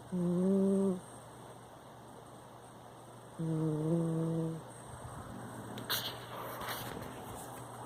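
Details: Sleeping cat snoring: two soft, tonal humming snores a few seconds apart, with quiet room noise and faint clicks; snoring.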